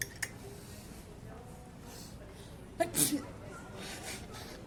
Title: Sneezing in the store 3